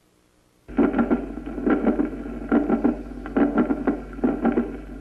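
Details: Mid-systolic click.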